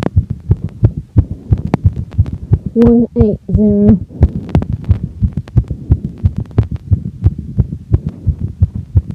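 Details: Sinus tachycardia after exercise in a woman; rapid, regular heartbeat thumps at about 175 a minute, faint recording.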